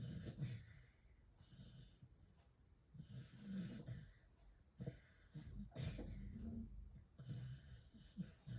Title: 🔊 小狗狗又做夢💭又打呼💤😴 / 🔊 The dog is snoring and having an exciting dream #snoring #sleep #dog #dream